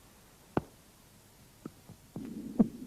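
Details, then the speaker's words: Mitral stenosis heard at the apex: snapping loud first heart sound, second sound, mitral opening snap, then low diastolic rumble from flow through the narrowed left atrioventricular orifice. "при митральном стенозе на верхушке слышен хлопающий первый тон щелчок открытия митрального клапана и диастолический Шум Шум возникает в результате затруднения тока крови через суженное левое атриовентрикулярной отверстие"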